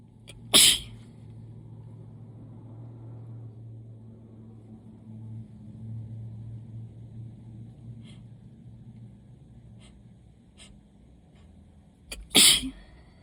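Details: Allergy sneezes: two loud, sharp sneezes about twelve seconds apart over a quiet hum.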